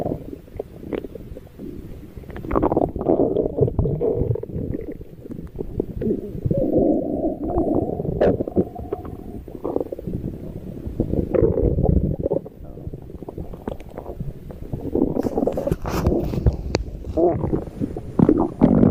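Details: Cat's stomach growl: low rumbling and gurgling tummy sounds coming in waves; ordinary borborygmi.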